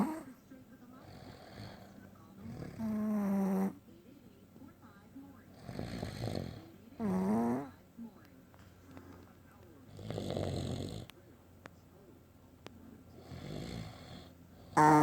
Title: Daddy and Doggy snoring!!!!!